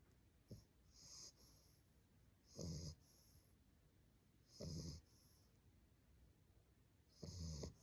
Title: Snoring Bulldog #englishbulldogpuppy #snoring #puppy #sleepy #puppy